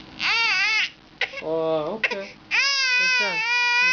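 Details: Loud, high-pitched wailing cries from a baby in several bursts separated by short breaths and sobs; an ordinary infant cry.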